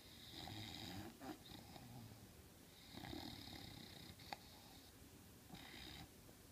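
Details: English Bulldog sleeping on the couch with repeated rattling, snorting breaths and room noise; loud snoring.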